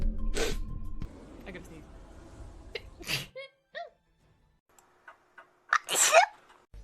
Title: vtuber sneezes 3